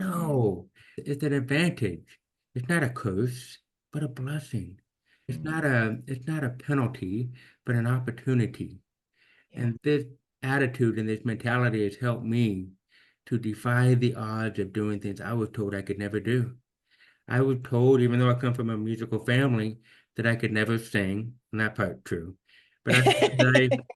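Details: Deaf speech in a man almost 50 with severe to profound hearing loss since birth, diagnosed at age 2, orally trained with about 13 years of speech therapy; finding: deaf speech (severe to profound congenital hearing loss).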